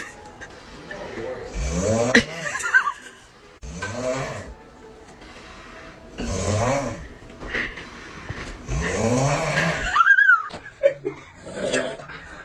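Loud, rumbling snores with a rattling buzz on each in-breath, about five in a row, followed by brief snorting sounds.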